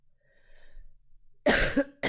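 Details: One loud, harsh cough burst with a brief voiced tail and the start of another, from a 24-year-old woman chatting on a livestream who says she coughs a lot; cough.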